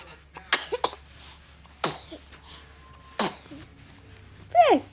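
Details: A first sneeze caught on video: three sharp, explosive sneezes about a second apart, followed by a brief voiced sound; a bout of sneezing.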